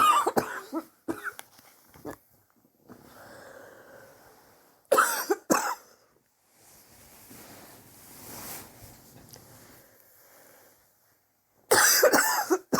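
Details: Adult's own cough, recorded over several weeks; sore from coughing, suspects bronchitis but unsure, chest x-ray planned to check for pneumonia: bouts of several harsh, forceful coughs each, with quiet breathing between.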